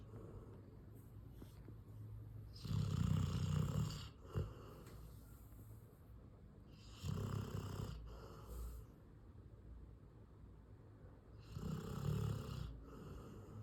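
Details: Sleeping Labrador retriever snoring like a human: three deep, rattling snores about four to five seconds apart.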